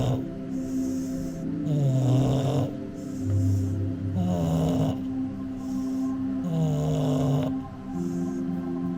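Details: Bulldog snoring while falling asleep: low snorting snores with each breath, about 24 a minute, under steady background music.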